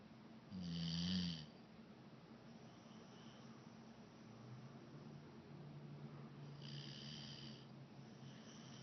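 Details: Sleeping pit bull snoring: one loud snort then steady, low, rumbling droning breaths over a faint background hum.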